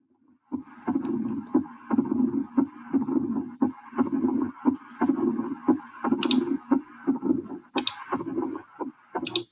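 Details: Simulated heart sounds from a stethoscope exam of a virtual patient's chest in a cardiology lab simulation, about 60 beats a minute, with a whooshing murmur filling the pause after each beat; diastolic murmur.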